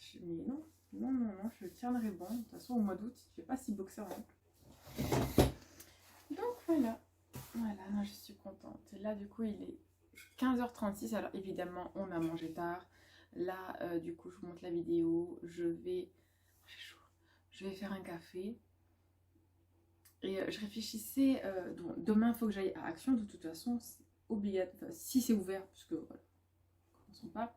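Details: Adult woman, a student and mother, who stutters; she reports background noise (machines, children, music) worsens it and blocks her speech, calls it a likely permanent brain dysfunction, and is considering a speech therapist assessment; stuttering.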